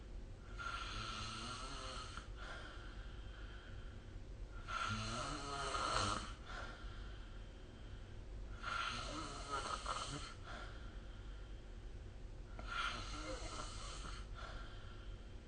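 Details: Sleep snoring recorded with the SnoreLab app: four rattling snores at about 15 breaths a minute over a steady background hiss.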